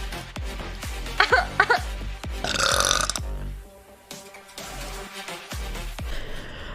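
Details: Compilation of female Twitch streamers burping: a run of loud belches, several in quick succession, with music playing underneath; ordinary burping.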